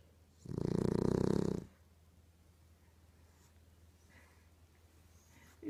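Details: Sleeping female pitbull puppy snoring loudly enough to wake the older dog: one loud, rattling snore lasting about a second, then quiet breathing with room hum; snoring.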